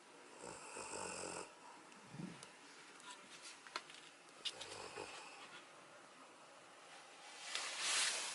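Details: Elderly golden retriever, adopted about 15 years ago and in worsening health, snoring while sound asleep: soft, rattly snoring breaths with small snorts and sniffs, fairly quiet, with light room noise.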